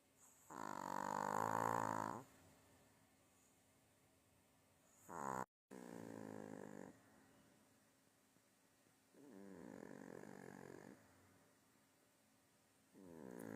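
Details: Dog snoring while lying on its owner: slow, rhythmic rumbling snores, each lasting a second or two, in a quiet room.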